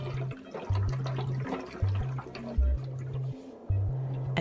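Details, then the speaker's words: Chest drain insertion training: vacuum suction is started and air bubbles through the drainage canister. Continuous gurgling and bubbling of water with low humming tones, with background music. "beforehand start the vacuum and see how the air bubbles in your canister device"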